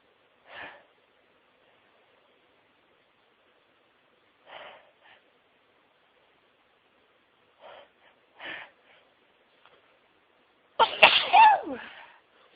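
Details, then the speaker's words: Sneezing fit after sneezing all day at work, described as the biggest fit yet: several soft sniffs and catching breaths, then one loud explosive sneeze at the end. "Have a sneeze again. I've been sneezing all day, but this is the biggest fit I've had."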